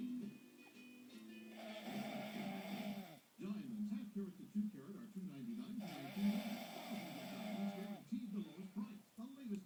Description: Weird snore